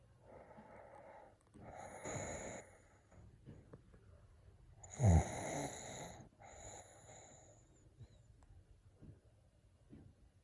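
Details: Rough, fluttering breaths during sleep, repeating every few seconds, one louder and harsher than the rest; snoring.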